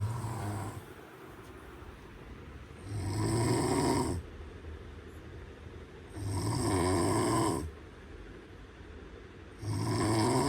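Loud, rough, rumbling snores on each breath in, about 18 a minute, with quieter pauses between; ordinary snoring.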